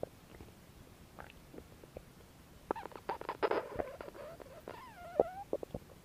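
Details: Belly noises recorded as no-talking ASMR: gurgling, squeaky rumbles and bubbling pops rising and falling in pitch; ordinary stomach growling, bowel sounds (borborygmi).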